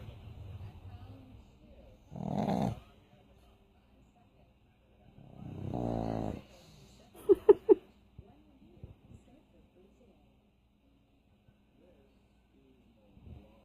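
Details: Sleeping pug: loud, rattling snores on breathing in, with snorting and squeaky snuffles between them; snoring.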